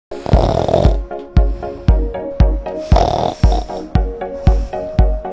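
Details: Snoring in an advertisement for an EMS smart anti-snoring device: regular loud, low rumbling snores, roughly two per second, over background music.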